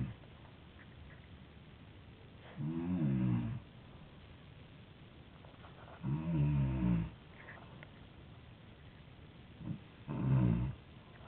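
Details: Loud snoring during sleep: deep, rattling snores in slow bursts, roughly 17 a minute, with quiet pauses between; snoring.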